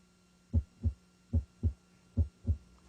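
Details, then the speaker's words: Cardiac auscultation with stethoscope diaphragm and bell, patient supine with head raised, sitting, or left lateral: three clean lub-dub cycles at about 75 beats a minute; normal S1 (apex) and S2 (base), no extra sounds. "listen for the normal heart sounds s1 and s2 s2 is best heard at the base of the heart and corresponds to pulmonic and aortic valve closure at the end of ventricular systole"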